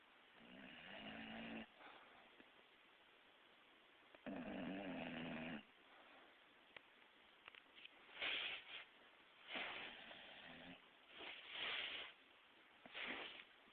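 Irregular rough breathing noises with a few low fluttering snores in a quiet room, roughly 18 a minute.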